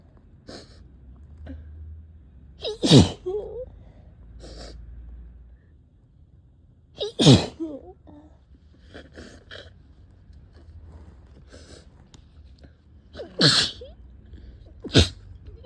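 Repeated sharp explosive sneezes, four loud ones and several softer snorts over about fifteen seconds; a bout of sneezing.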